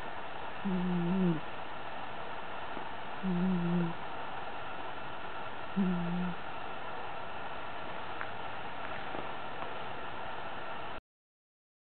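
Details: Three low, buzzing snores about every 2.5 seconds over steady room noise: loud snoring in a black cat sleeping on a bed.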